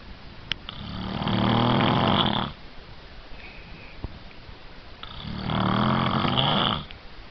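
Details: Adult man asleep: two long, loud, rattling snores on breathing in, with quiet gaps between them; snoring.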